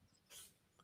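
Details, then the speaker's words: A single brief, hissy sneeze from a cat in the background of a live stream, quiet against low room noise; cat sneeze. "my cat just sneezed"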